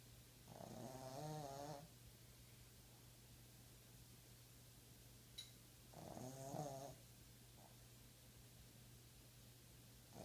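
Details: Boston terrier puppy asleep and snoring: two long, fluttering, rattly snores about five seconds apart over a low room hum, in a sleeping-fail clip where the puppy falls.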